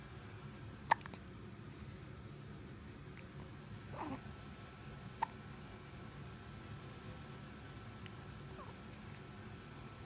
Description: Adorable baby hiccups...again... =)